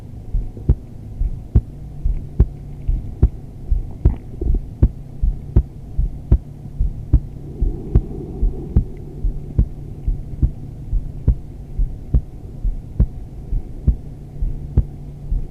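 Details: Normal female heartbeat recorded during restorative yoga, around a wide-legged modified child's pose and final shavasana: steady beat at about 72 beats a minute over a low background hum.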